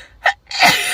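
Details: Girl undergoing a Covid-19 nasal swab test: a short indrawn breath, then a single forceful, hissing sneeze set off by the swab.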